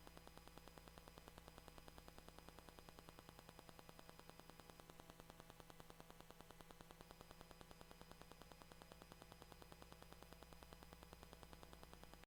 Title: 임신 8주 초음파-아기 심장소리 (ultrasound at 8weeks-fetal heartbeat)